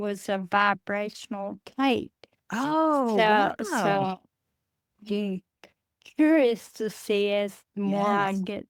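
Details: Adult woman with Friedreich's ataxia, a rare progressive neurodegenerative disease diagnosed at age 23, which she says affects her speech and swallowing; wheelchair user; ataxic dysarthria.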